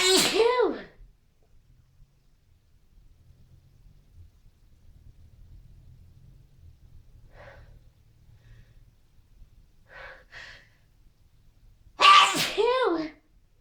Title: sneezing and dusting